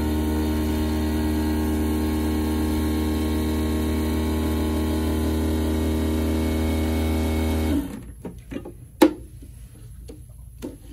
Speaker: So for the amalgam, we're gonna take the capsule, you're gonna activate it like they did in the video, and then you're gonna place it into the triturator. And it just snaps in, and you have to kind of spread it apart a little bit, and you'll hear it kind of snap in, okay? And then press start.